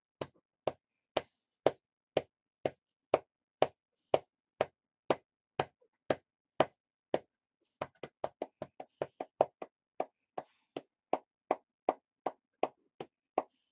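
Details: Steady hollow thumps of hand percussion on the chest, about 30 a minute: lower-lobe airway clearance therapy in a person with cystic fibrosis who reports coughing up blood over the last two to three days.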